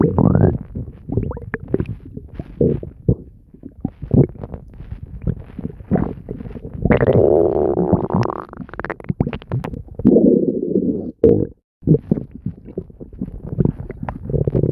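Continuous gurgling, bubbling and rumbling from the belly with squeaky rising tones: ordinary stomach growling, a normal digestive sound.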